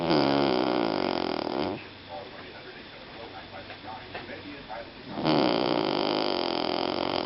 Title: - 2014 11 01 Snoring away